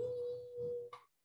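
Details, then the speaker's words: Simulated tinnitus from an ear physiology lecture: a steady, high-pitched pure ringing tone of about a second, described as the buzzing felt after a blocked ear or ear infection. "o les ha dado una infección en el oído y mientras se van recuperando se siente un zumbido verdad ese sonido se llama tinnitus"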